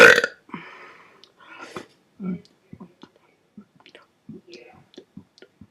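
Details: Deliberate burping, first in at least four months: a single loud, forceful burp at the start, followed by quiet breathy mouth sounds and soft whispered noises.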